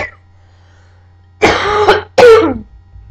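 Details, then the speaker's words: Adult woman who is sick at home gives two short, harsh cough bursts, with a faint steady hum in the background. "I know you guys so don't want to hear that that's so disgusting sorry the coughing"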